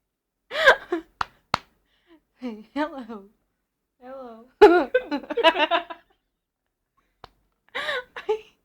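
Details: A laughing girl or woman has several sudden sharp hiccup catches that break into laughter and moaning, then complains her belly hurts; hiccups.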